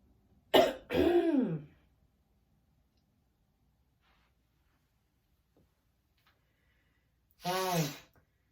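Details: Person feeling sneezy from wildfire smoke; a short sharp burst, then a rougher grunting sound, and another voiced clearing noise after a long silence: throat clearing.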